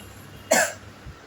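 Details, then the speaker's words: A mother who is coughing a lot; cough. "Mummy आपको तो बहुत खांसी आ रही है। खांसी का इलाज चाय से नहीं होने वाला है।"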